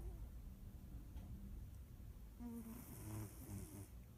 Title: Charlie snores